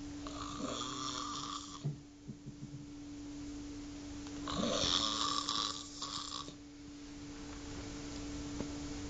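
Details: Hospital snoring: two rough, buzzing snores about four seconds apart during sleep, over a constant electrical hum.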